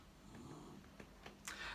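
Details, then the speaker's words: Faint, low rattling snore from a tiny sleeping dog in the background, with a brief louder snort near the end over quiet room noise and speech; snoring. "apologize if you can hear this tiny dog snoring"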